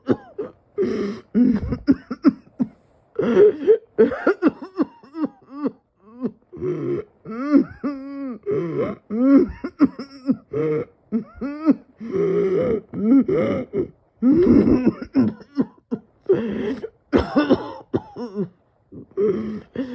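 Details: Prolonged coughing fit with dizziness and feeling near fainting: a sustained run of dozens of short voiced coughs with brief gasping breaths between.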